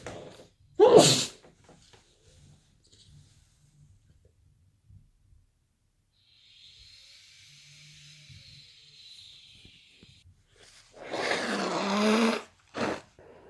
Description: And yet another fit from this snotty sneezy cold.